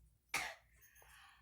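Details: Girl smoking and coughing: a single sharp, harsh cough burst followed by quiet breathing in a small room.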